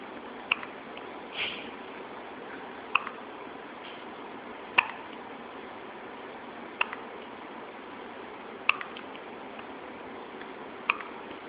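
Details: Infant girl with hiccups: six brief, sharp click-like hiccups about every two seconds over a steady background hiss.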